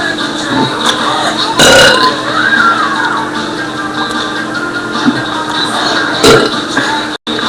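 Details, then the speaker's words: Two loud, deliberate belches over steady background music: burping. "Hello, I'm going to do a few more burps for more views and ratings."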